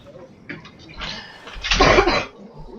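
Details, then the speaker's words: An adult woman (the speaker's girlfriend) coughs off-microphone in a quiet room: one or two brief, harsh coughing bursts; an occasional cough during a gaming recording. "and that's my girlfriend coughing you you'll hear her every now and then she'll she'll either cough or she'll offer some sarcastic commentary at my expense"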